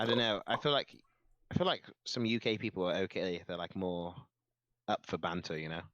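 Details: Adult speaker; normal conversational speech.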